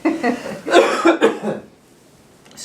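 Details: Two or three short, loose voiced coughs in a small room, then quiet, from an adult patient during a chiropractic exam for right TMJ, back pain and digestion complaints.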